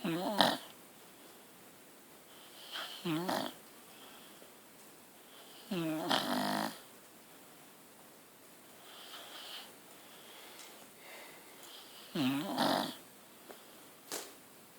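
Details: Irregular snorting, whistling breaths, roughly ten per minute with quiet pauses between, from a sleeping deaf dog; snoring.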